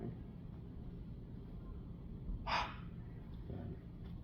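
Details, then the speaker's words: A patient performing a huff cough demonstrated by a student physical therapist as an airway clearance technique: mouth in an O shape, forceful exhale as if fogging a mirror; one forceful breathy open-mouth exhale against low room rumble. "so what you're going to do is put your mouth in kind of a o position uh think about trying to fog up a mirror and then you're going to forcefully exhale in that position just like this"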